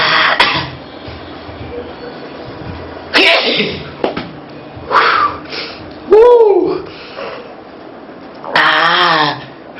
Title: Sneezing